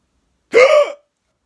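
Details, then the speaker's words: Hiccups, possibly from eating too fast: a single abrupt voiced gulp with a short squeaky vocal tail. "Got the weirdest hiccups ever. I heard you could you can hold your tongue."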